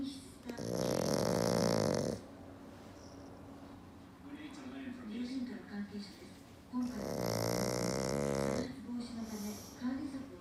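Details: Black pug napping: loud, long fluttering snores on each breath, with softer snorting and whistling breaths between; heavy snoring.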